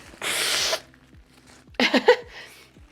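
One loud, forceful hissing sneeze burst, followed by a brief sniff and a soft exhale; a sneeze during a head cold with nasal congestion.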